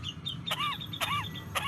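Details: A parrot gives three short, harsh cough-like bursts, each followed by a brief whistled chirp: coughing in a parrot.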